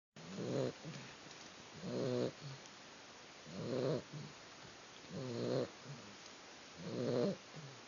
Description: My new puppy was sleeping and we discovered she snores ;)